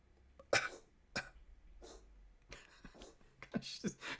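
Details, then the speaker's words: Female pet cat with a suspected hairball: several sharp, hacking, retching cough bursts with gaps between while trying to bring it up. "Oh, you got a little hairball? You got some hairball? Oh. Come on, cough it up."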